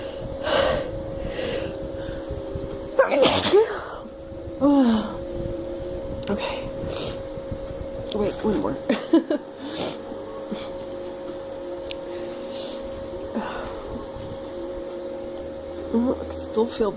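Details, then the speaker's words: Snuff-induced sneezing in a female (snuff, earlier paper-towel and black-pepper provocation), nose still burning: several sharp sneeze bursts with gasping intakes over a steady background hum; repeated sneezing. "burn so i'm guessing i could get some more sneezing out oh my god this is like my best video yet"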